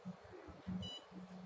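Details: A short, high electronic beep over faint low talking: a CO2 fractional laser signalling readiness in fractional cutting mode, set for face skin rejuvenation starting at power five.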